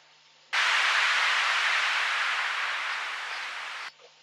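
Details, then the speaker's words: Steady hissing white-noise tinnitus masking sound from a BeHear ACCESS Model II hearing amplifier headset, on for about three seconds then off; volume, sharpness, pitch, balance and modulation are adjustable via the app. "Using the BeHear app the user can control the volume, sharpness, pitch, balance, and modulation of the generated noise."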